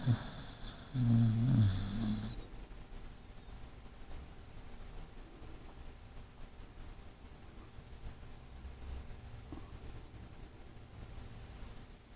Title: Luck snoring